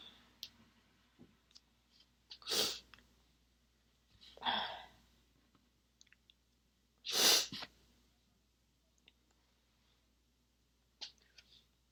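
Three short, hissing, muffled sneezes held back with a closed mouth, separated by quiet pauses and small breaths.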